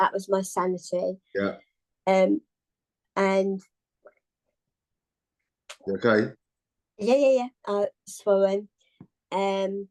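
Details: Adult woman, tongue cancer survivor, with articulation impairment and swallowing problems after partial glossectomy, a second tongue resection six months after treatment, and radiotherapy.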